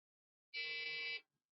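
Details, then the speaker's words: Single steady electronic beep under a second from a Beluga neonatal resuscitator, pacing breaths at 30 per minute with PEEP 5 and PIP 20 during a tabletop demonstration. "and now when that beep tells you how often you should close the flow here so now we're providing resuscitation 30 bits per minute with the settings of 5 and 20."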